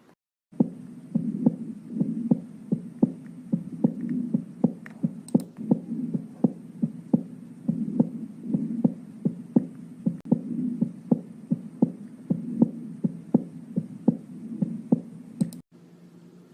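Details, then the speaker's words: Third heart sound (S3, ventricular gallop): regular heartbeat with an extra soft early diastolic sound after S2 giving a three-beat gallop; normal under age 40, abnormal above 40; linked to rapid ventricular filling, often in athletes. "يقول لكم والله الاس 3 هذا ممكن نسميها باسم ثاني، يسمونه ventricle gallops. طبعا تشوفه في اللي اعمارهم تحت 40 تكون نورمال، فوق 40 هذا يعتبر abnormal."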